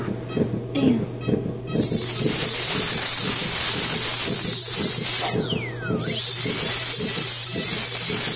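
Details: Dog dental treatment at an animal hospital: a dental instrument's loud, shrill, hissing whine that briefly winds down and starts up again, with soft background noise.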